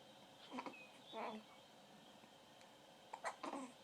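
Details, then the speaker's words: Infant boy with daily hiccups gives a few short, abrupt catching sounds in a quiet room. "see I got hiccups I got here goes yep that's what happens see I get them all the time all the time"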